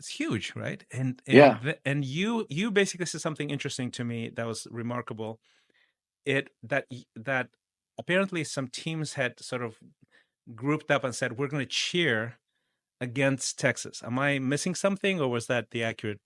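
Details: Adult man speaking in interview; normal conversational speech.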